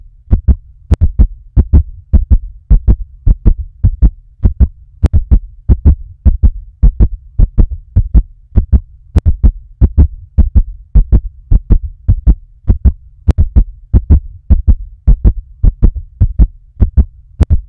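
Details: Heartbeat described as fast: quick, regular paired thumps, about 100 beats a minute, over a low steady hum.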